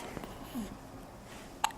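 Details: Asher, 8-day-old baby, hiccups, a single short high squeaky hiccup; he likes to feed fast and furious, so hiccups are common for him.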